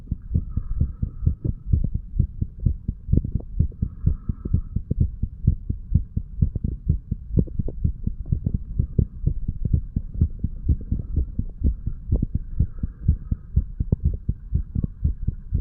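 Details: 35-year-old male, under the influence of alcohol, heartbeat recorded a couple of hours after going to bed, from mitral to tricuspid area; steady low thumping paired beats with a faint hum.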